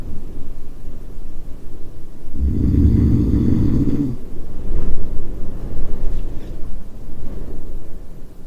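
A single low, rough rumbling breath sound over steady background noise, fitting a snore.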